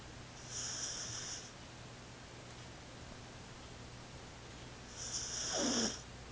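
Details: Snoring: two hissing, whistly snores about four to five seconds apart, with quiet stretches between and a low steady room hum.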